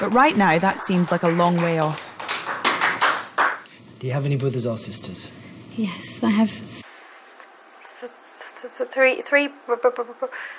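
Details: Stuttering (stammering) in a male new student of a four-day McGuire Programme course, recorded the night before the course begins while he still speaks in his old, untreated way.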